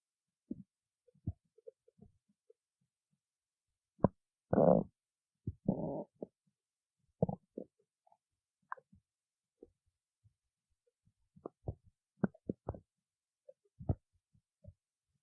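Scattered gurgles and low rumbling bursts of varying length, typical stomach growling from gas and fluid moving through the gut; a normal finding.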